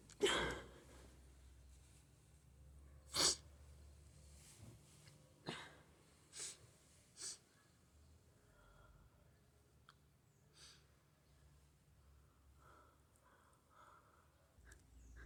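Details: A few sharp, explosive sneezes in a quiet room, followed by softer sniffing and nose-blowing sounds; a sneezing fit.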